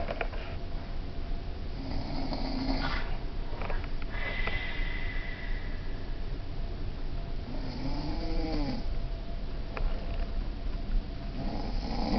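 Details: Adult brother asleep in a cruise-ship cabin: continuous low rumbling, rattling breathing with faint higher squeaks; loud snoring.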